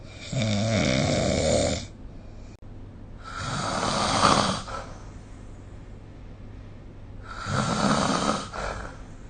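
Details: Snoring recorded with the SnoreLab phone app: three loud, rough, rattling snores with quieter gaps, about 17 a minute, over faint steady room hum.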